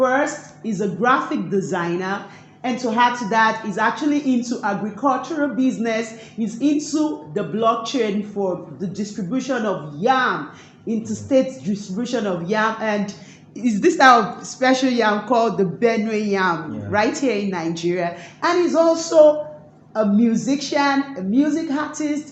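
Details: Adult speaker; Ordinary fluent speech.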